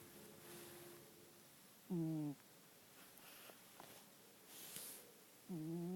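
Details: Cat snoring: quiet breathing with short squeaky, whistling snores on the breaths in a still room.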